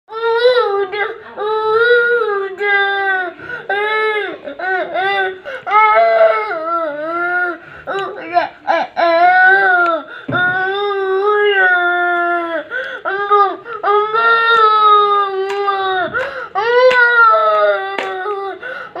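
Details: An infant cries loudly and steadily in long wailing bursts with brief catch breaths between them, during steam inhalation given for a cough; distressed crying.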